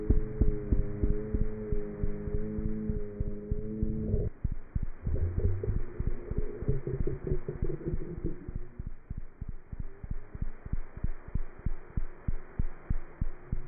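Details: Cat heart sounds through a stethoscope: fast, steady thumping at roughly 190 beats a minute, with a few seconds of music at the start.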